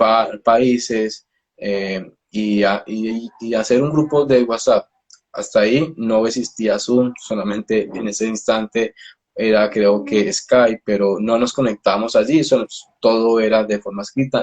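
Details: Stuttering in an adult Colombian speech-language pathologist who himself stutters, heard during a live interview.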